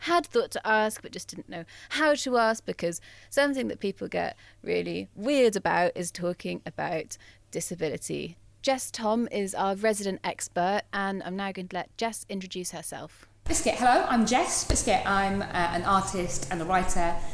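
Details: Adult female presenter, second speaker joins near end; normal speech.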